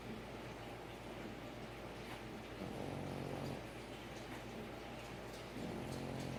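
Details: French bulldog snoring while asleep: continuous low rumbling, fairly steady noisy snore of a flat-faced dog, with some background noise.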